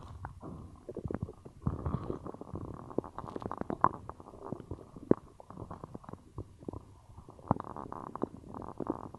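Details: Stomach growling after drinking cola: frequent gurgling, bubbling and rumbling from the belly throughout, active bowel sounds.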